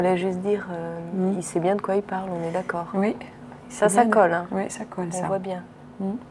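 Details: Adult woman speaking French; Normal speech.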